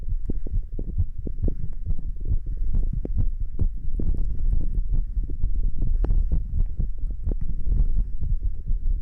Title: 立ち心音～ちょっと運動も！ Standing heart sounds & A little exercise